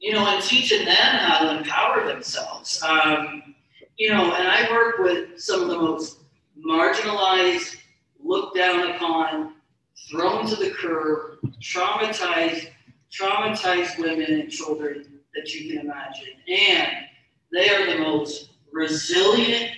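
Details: Stuttering in an adult woman, described as bouncing off syllables, hesitations and prolonged consonants; real speech.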